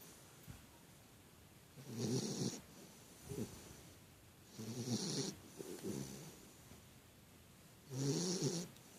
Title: Big snore